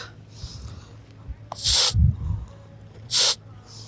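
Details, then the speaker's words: Two short, sharp hissing puffs from a pump inhaler, with breathing and handling noise, taken by a motorcyclist with breathing difficulty and cough at high altitude in cold on the Leh–Sarchu route, Ladakh. "Pump घेतले थोड्या वेळाने stable होऊन जाऊ मित्रांनो"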